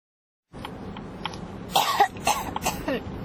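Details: Coughing that won't stop (ASMR-tagged recording): short cluster of dry coughs and throat clearing in a quiet room; cough.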